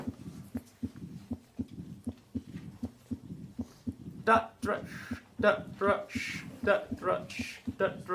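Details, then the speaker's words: Mitral stenosis heard at the apex: S1, S2, an opening snap, then a low diastolic murmur in the gap between beats, in repeating heart sounds. "aortic stenosis is systolic aortic regurgitation is diastolic but mitral stenosis is diastolic mitor regurgitation is systolic once more mitral stenosis"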